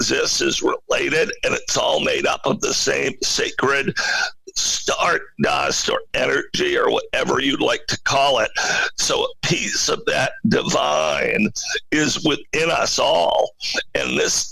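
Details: Adult male CEO with spasmodic dysphonia, a rare neurological voice disorder affecting only speech, with no known cause and no known cure, acquired in 2010; finding: spasmodic dysphonia.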